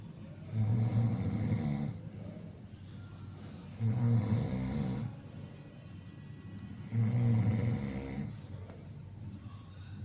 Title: #Funnysound | Snoring | குறட்டை ஒலி